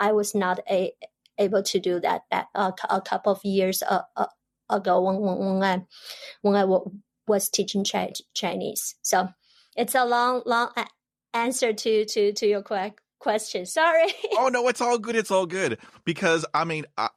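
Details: Adult woman who stutters, stuttering since about age 7 or 8, stutters in her Chinese dialect, Mandarin and English; stuttering.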